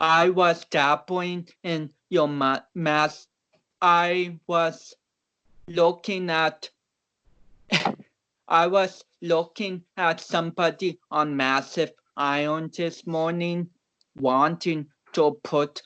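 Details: About 29-year-old male powerlifter with cerebral palsy whom doctors had not expected to walk or talk; real conversational speech in cerebral palsy.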